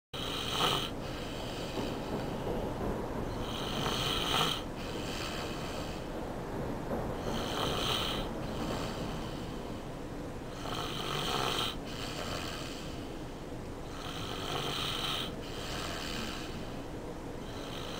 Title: snoring nephew